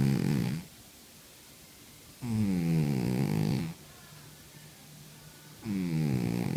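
Loud rattling snores on three breaths, separated by quiet pauses, about 20 breaths a minute, from a sleeping cat.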